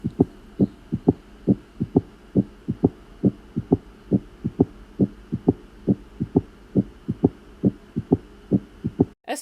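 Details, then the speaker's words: Educational heart auscultation example of an adult ventricular gallop, as in heart failure: regular heartbeat with an extra low third sound after S2, giving a galloping three-beat rhythm; S3 heart sound. "in people who have conditions like heart failure there is increased pressure to get the blood through the heart it's not functioning as well and so the blood reverberates against the ventricular walls causing this third sound"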